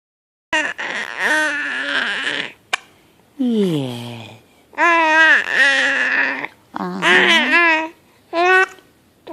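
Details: Several loud, strained crying bursts from an infant, rising and falling in pitch with brief pauses for breath; the baby has hiccups and seems scared by them. Upset infant cry.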